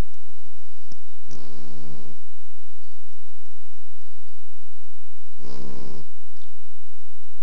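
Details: Snoring during sleep: two low, rattling snores about four seconds apart over quiet room noise.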